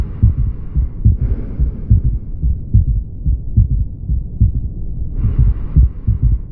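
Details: Third heart sound (S3): a regular low heartbeat near 71 per minute with an extra faint low thud after the second sound.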